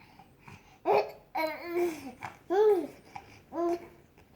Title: Baby laughing at hiccups